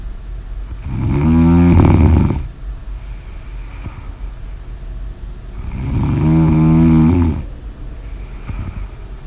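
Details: Two loud, low, rattling snores on inhalation, separated by quieter exhalations, about 13 breaths a minute: snoring.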